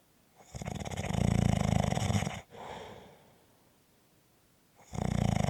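Loud, buzzing, rattling snore on the in-breath with a softer out-breath, then a second snore begins; loud snoring.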